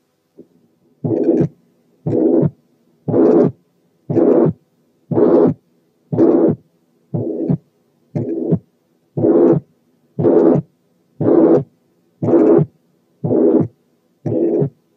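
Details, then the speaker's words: Tricuspid regurgitation over the tricuspid area, breath sounds filtered out: regular cycles about 59 a minute, each with a blowing pansystolic murmur that increases with inspiration. "تعالوا بقى نسمع pan systolic murmur of tricuspid incompetence مسموع على tricuspid area، ولاحظوا الزيادة مع الانسبيريشن صوت التنفس انا شلته عن طريق فلترز."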